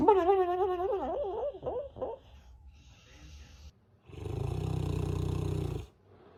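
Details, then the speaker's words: Sleeping dog gives a wavering, whiny groan, then a long, loud, rattling rumble on one breath; snoring. ">> Does anybody else dog sleep like this?"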